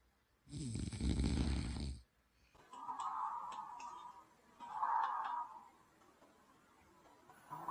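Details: Snoring during sleep while wearing an electric massage sleep mask on full high; the snorer wonders about sleep apnea and CPAP. A loud, rough, rattling inhaled snore, then two softer, whistly breaths.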